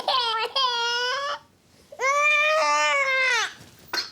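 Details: A young girl who is poorly, with a cough, cries in two long wailing bursts with a brief breath between them during a GP throat examination; the GP notes she is a bit chesty, with phlegm heard when she coughs.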